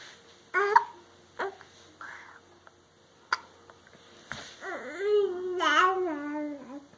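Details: A young child with hiccups: several short, abrupt gulping sounds at irregular intervals, then a brief babbling or crying voice.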